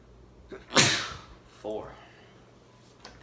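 A single loud, explosive sneeze followed by a short voiced exclamation.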